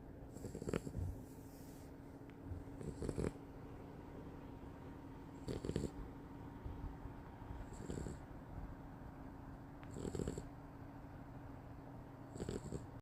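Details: Sleeping beagle foster puppy snoring lightly: soft, regular breathing noises about every two and a half seconds, roughly 24 a minute, over a steady background hum.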